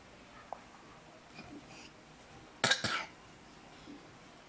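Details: A child coughing: two quick, short cough bursts in a quiet room.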